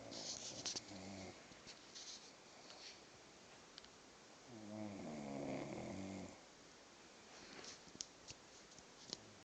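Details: Snoring from a sleeper said never to have snored before.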